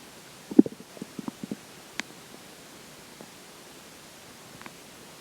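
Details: Stomach growling after drinking water: a brief run of gurgling, bubbly pops and squelches, then quiet; crackling at end is from the water bottle.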